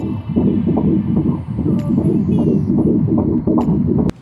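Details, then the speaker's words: Fetal heartbeat on a Doppler monitor early in pregnancy: rapid, regular whooshing pulses at about 150 a minute with a galloping rhythm, briefly fading and returning as the baby moves. "the baby's heart rate sounds like a galloping horse especially this early in the pregnancy sometimes it sounds briefly fades and returns that's because the baby's moving around and it's hard to stay on her so this is what the baby's heartbeat sounds like"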